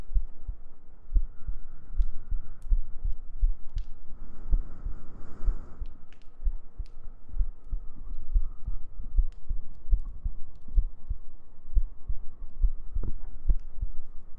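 Soft, regular low thumps of a heartbeat under a steady hum, with a brief rustle partway through.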